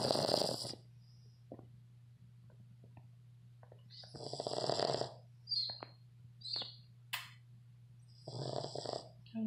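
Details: Sleeping 7-month-old red Boston Terrier snoring in loud, rattling bursts separated by quiet pauses and small snorts: snoring.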